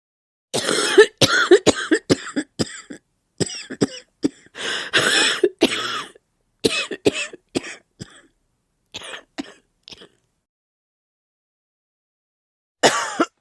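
Repeated harsh coughs, about a dozen in quick bursts over ten seconds, then a pause and one more cough.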